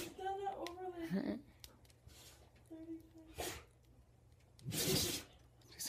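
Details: Dog sneezing, possibly something up its nose: two sharp, noisy bursts of sneezing with people's voices and room noise around them.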